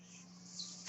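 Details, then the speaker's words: Steady low mechanical hum with an airy hiss during a pause in speech, from the speaker's own mechanical ventilator. "My name is. That noise you're hearing is my ventilator."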